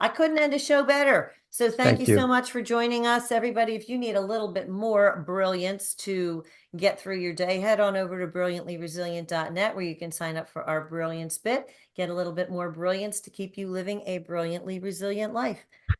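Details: Adult woman speaking; normal fluent speech.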